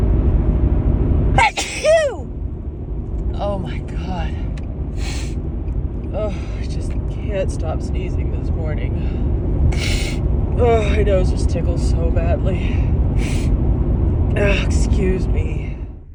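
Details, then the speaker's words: Female with a dust allergy sneezing repeatedly in a car in the morning: repeated sneezes with gasps and exclaimed apologies over steady car rumble; she says her nose tickles badly. "oh I just can't stop sneezing this morning I think I should sneeze again nose is just did things so bad"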